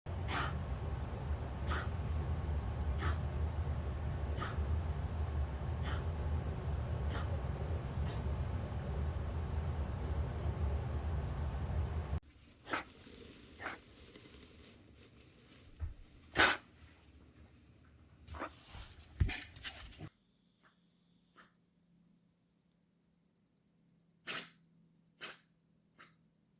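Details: A dog's recently developed cough: a few short, sharp, snorting cough bursts between quieter breaths, with varying room noise.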